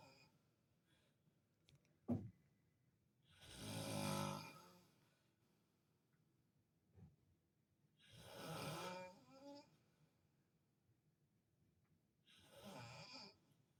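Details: Father snoring loudly while in hospital beside his child, continuing as nurses came in: three loud rattling inspiratory snores about every four to five seconds with quiet pauses; ordinary snoring.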